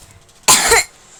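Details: Single short, sharp cough from a child who says they currently have a cough, abrupt and loud against a quiet room background; cough.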